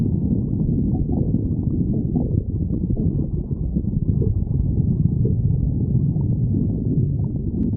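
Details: Continuous low gurgling and rumbling from the belly; stomach growling (borborygmi).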